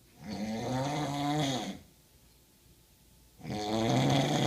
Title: What a noise, SNORING or a pig!!!!!! A Must listen!!!!